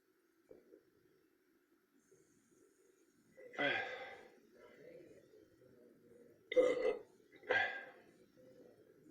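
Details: Repeated burping: three low, gurgling voiced belches with quiet pauses between.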